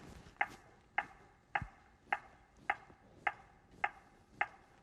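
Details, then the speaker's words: ZOLL AED 3 training demonstration after no shock advised: steady metronome tone at about 105 per minute prompting the rescuer to push and match the tone during chest compressions; AED CPR pacing tone. "start CPR push to match the tone the AED 3 is monitoring and reminding me to start CPR"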